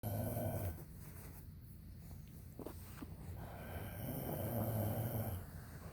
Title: Unbearable snoring by my hubby! ugh!! Thank y'all for listening to this~